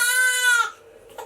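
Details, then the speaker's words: 6-week-old breastfed baby boy crying while his mother uses a wearable breast pump: a single loud, high, tense wail trailing off into quiet; infant crying. "Sorry, we're gonna have to do the crying, huh, baby?"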